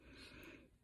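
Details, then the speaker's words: Eastern long-necked turtle, 692 g, in rehab after car accident, with dehydration, wounds and mouth injuries: a single brief, harsh, rasping, faintly whistling breath, noisy breathing suspected from respiratory infection or blockage. "you can hear the breathing so that's an indication of a respiratory infection or a blockage"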